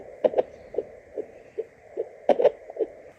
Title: Baby hiccups on doppler | Daily till baby Day 7